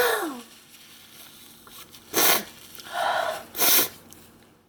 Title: Super close up sneezes showing nose hair (with sneeze powder)